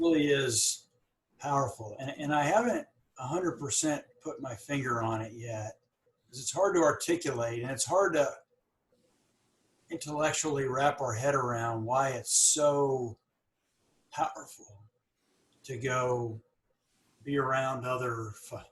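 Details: Adult woman with mild to moderate stuttering, long hidden (covert stuttering) with silent blocks, who has had speech therapy; stuttering.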